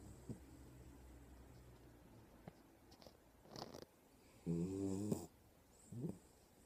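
Low breathing noises, then a loud, buzzing snore followed by a shorter one; snoring from a sleeping dog.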